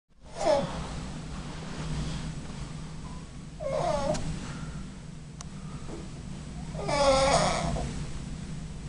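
Three slow, rough, vibrating breaths over about nine seconds, roughly 20 a minute, with a steady hum behind them: snoring.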